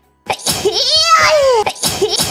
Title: sneeze scream